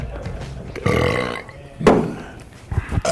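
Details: A compilation of burps from several people: two long, low, rumbling voiced belches and a few shorter burps, with some music and talk nearby.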